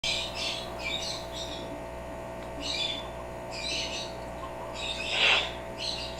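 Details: African grey parrot that picks up household sounds: a run of short, high squeaky bursts, then one sharper, fuller sneeze-like burst, answered with "bless you"; possibly an imitated sneeze.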